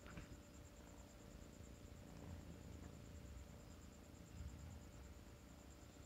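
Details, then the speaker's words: Soft, steady low rumble from a hungry kitten, contented after being fed cake and noted as not purring earlier: cat purring. "a ver cómo ronca a ver si escuchan como ronca ya está contento hace rato no estaba roncando y ahorita estaba roncando porque ya está contento"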